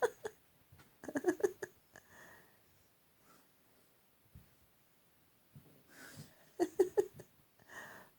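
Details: Cross Staffie dog reverse sneezing: rapid runs of snorting, gasping breaths through the nose.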